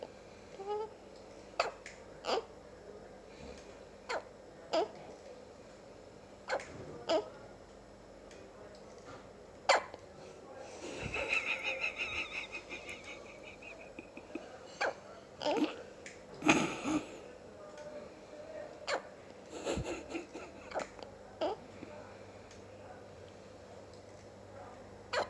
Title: Two and a half hours old with the hiccups.